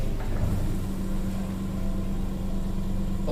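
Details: A steady low mechanical hum with a rapid pulsing rumble from a Proactive home oxygen concentrator's compressor running normally.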